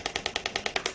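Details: Rapid, evenly spaced sharp clicking pulses, about ten per second, from a radial shockwave therapy device fired over gel on the operator's own arm, demonstrating a firm-pressure gliding "squeezing" technique described as prone to causing bruising.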